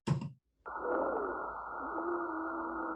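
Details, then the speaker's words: Simulated lung sounds on an auscultation trainer manikin via stethoscope, posterior chest, upper zones: wheezing. "i can listen to the base over here base over here and i can work my way up on the model and so i do hear wheezing up here as well"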